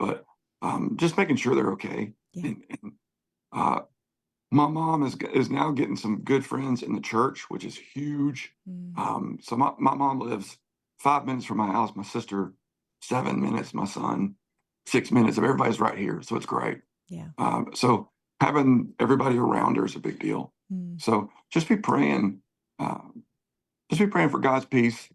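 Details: Spasmodic dysphonia in an adult male singer whose voice goes gravelly sometimes, more when talking than singing; he works with a voice therapist before concerts and has a history of cancer diagnosis and treatment.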